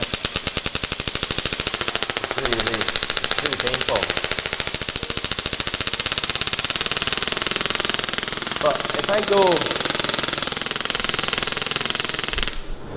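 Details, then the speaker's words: Rapid, steady mechanical clicking bursts at about 140 per minute with brief voice sounds: an extracorporeal shockwave therapy device firing on the operator's leg in a demonstration, set to frequency 3, described as even harder. "is really really harmless if I go to three is even harder"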